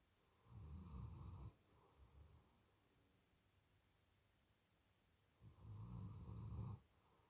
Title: How it sounds, when a German Shepherd Girl snoring louder than a Hippo!